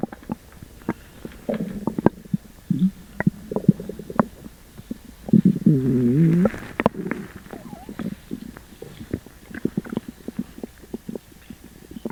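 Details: Upset stomach after eating sugar-free gummies: frequent gurgles and pops with a prolonged, warbling, high-pitched groan midway; loud bowel sounds (borborygmi).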